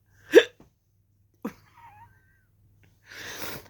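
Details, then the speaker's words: Two short, abrupt hiccups about a second apart from an adult who says they have the hiccups, each a sudden catch of breath, followed by a soft exhaled breath. "and you might have also noticed i have the hiccups so i'm in there and i'm thinking"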